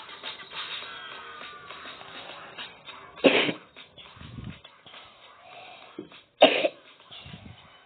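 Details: Two sharp single coughs a few seconds apart, over quiet background sound and faint music.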